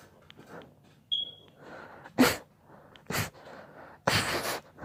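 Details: Three sharp, explosive bursts of air with quiet breathing between; repeated sneezing, three sneezes.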